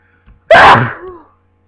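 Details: Sneezing during a cold: a quick intake of breath, then one loud explosive sneeze fading into a short trailing voiced sound.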